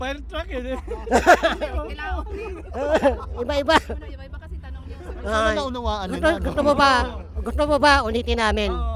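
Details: Filipino show host described as ngongo (nasal-speaking), asking a question in Tagalog during an outdoor interview game; hypernasal speech.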